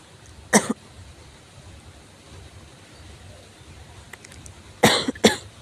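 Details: Severe cough: three harsh, forceful coughs, a single cough and then a close pair after a quiet pause, in a still room.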